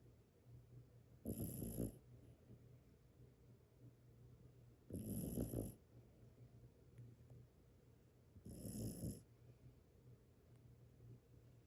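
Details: Sleeping dog: three loud, rough snoring breaths about 3.5 seconds apart, roughly 17 a minute, with quieter breathing between. Snoring.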